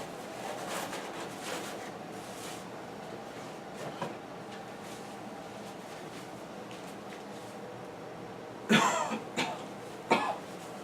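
Quiet room hiss, then three forceful coughs in quick succession near the end: a voluntary cough to bring up sputum for a sample.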